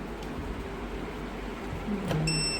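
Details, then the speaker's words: Brief electronic beep over faint room noise when the battery is slid on and connects correctly to an Entrusted Oxycare Mini pulse-mode portable oxygen concentrator. "Yeah, you can hear a beep sound. It means that you have plugged the battery and the concentrator correctly."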